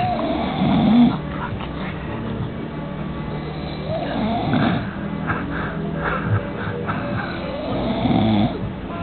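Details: A person snoring: slow, rhythmic rattling snores about every four seconds, roughly 15 a minute, with music in the background; ordinary snoring.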